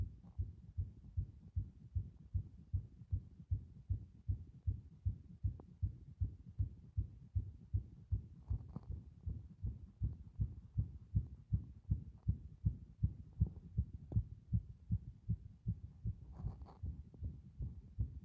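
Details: Heartbeat recording said to show heart muscle strength: fast, regular, low thumping paired lub-dub beats at about 79 per minute, with faint rustling.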